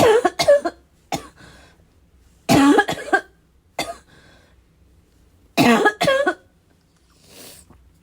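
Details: Persistent bad cough in a prolonged coughing fit, described as a little wheezy, a little chesty and barking as always: several loud, harsh coughs in short bursts with pauses, some barking, chesty.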